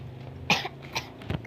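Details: Person who is sick with a cough and has a weak voice: two or three short, dry coughs over quiet room noise.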